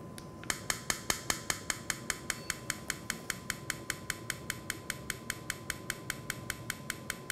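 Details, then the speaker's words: Acoustic rhinometer measuring the other nostril's nasal passage in adult male screened for sleep apnea, breathing normally then paused: steady sharp clicks about 150 a minute over a faint steady tone. "ou're going to hear a little clicking sound I just want you to breathe normally and then in a minute I'm going to have you pause your breathing for me"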